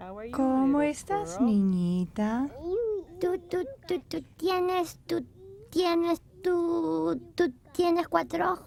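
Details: Childhood stuttering in a young child, one of several examples of stuttering in children.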